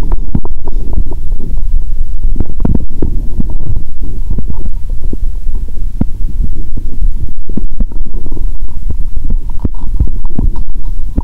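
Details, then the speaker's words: Stethoscope on own stomach after cola and Mentos, feeling full and having burped: many loud, noisy bowel sounds. ""I think the current sound is noisy when I hear it with a stethoscope." "I hear a lot of loud noises 😂"."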